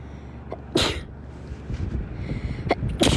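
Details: Two forceful sneezes from a girl over a steady background rumble, from a looped sneezing edit; ordinary sneezing.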